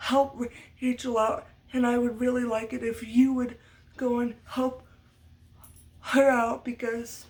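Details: Stuttering in an adult woman, part of muscle tightness from cerebral palsy (brain damage as a baby); lifelong, speech therapy from a young age through high school, uses techniques to minimize it.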